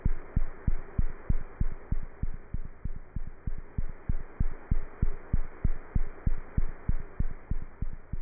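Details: A cat's heartbeat heard through a stethoscope, giving cat heart sounds.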